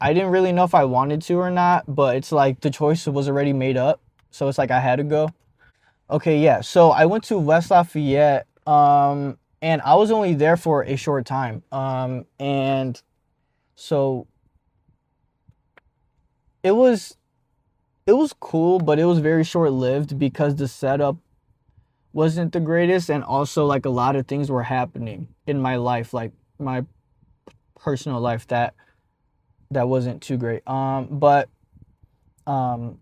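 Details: Adult male speaker; stuttering.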